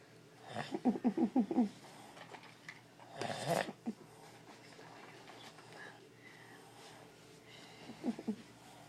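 Short bursts of rapid, fluttering, rattling breath sounds with quiet gaps in between; snoring.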